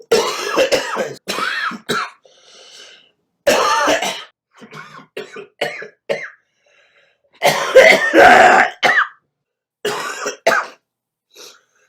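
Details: Person coughing: repeated harsh coughs and throat clearing in short clusters, about a dozen bursts.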